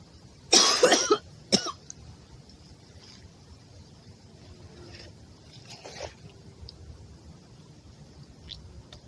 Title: Asian Girl smoking,coughing and spitting